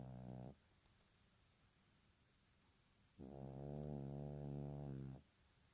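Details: A small sleeping chorkie (Chihuahua–Yorkie mix) snores loudly, with low buzzing snores on breaths about three seconds apart.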